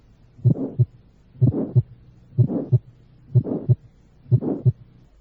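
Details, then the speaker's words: Teaching recording in aortic stenosis: an aortic ejection sound, most evident at the apex, where the systolic murmur is not very loud. "puede auscultar un ruido de eyección aórtico este ruido es más evidente en la punta sitio donde el soplo sistólico no es muy"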